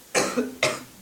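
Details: Two sharp, fairly loose coughs about half a second apart from a teenage boy who is coughing a lot during gameplay; an ordinary cough.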